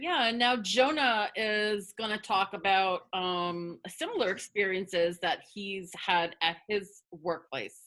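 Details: Adult woman who stutters, with repetitions of words and parts of words; stuttering.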